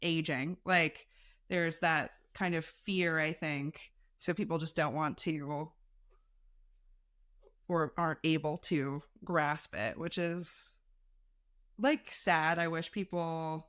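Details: Adult speaker; typical speech.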